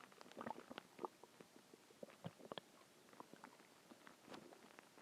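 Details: Stomach growling a few hours after a huge meal (cheeseburger, fries, eggs, onion rings, cheese stick, chicken tenders): soft irregular gurgles, squeaks and rumbles over quiet hiss; borborygmi.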